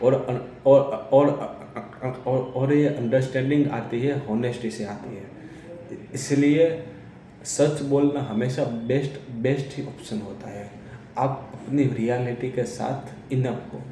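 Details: Man who says he is a person who stammers, speaking Hindi; real speech; stuttering.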